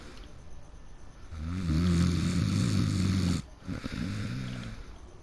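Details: Person who fell asleep in the middle of a game: one long, loud, rumbling snore on the in-breath, then a quieter breath; heavy snoring.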